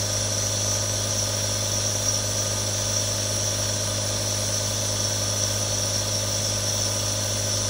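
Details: Real sound of three different nebulizers running: steady low motor hum with even hiss of aerosol output, unchanging throughout.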